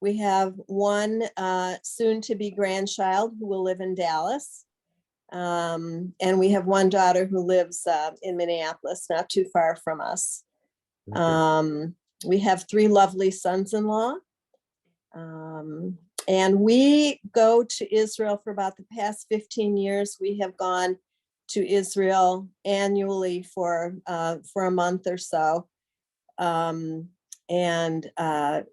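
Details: Adult woman speaking; ordinary speech.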